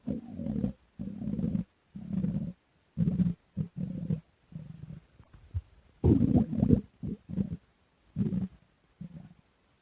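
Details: Stomach growls (bowel sounds) while digesting lemon cake: repeated low, gurgling growls in bursts of about a second, ordinary digestion.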